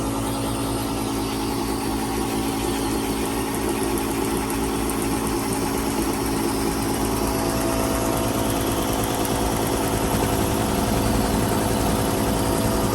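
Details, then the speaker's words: Loud, steady rapid pulsing drone of a high-frequency chest wall oscillation vest set to 10 Hz for 20 minutes at full speed, given with a nebulizer to a boy at bedtime. "So this is how he shakes. This is kind of at full speed. It takes him just a minute to get there, but this is about what it is, and he loves it."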